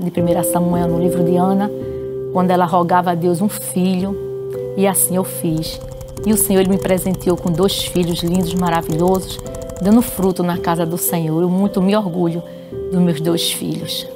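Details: Adult woman speaking Portuguese; normal speech.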